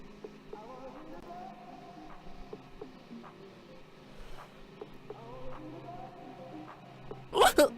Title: Girl has fast hiccups on stream